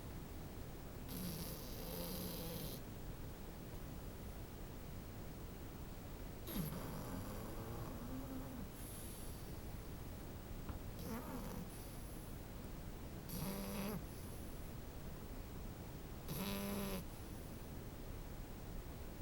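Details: Sleeping French bulldog puppy: repeated rattling, snorting snores about every three seconds, roughly 20 breaths a minute; snoring.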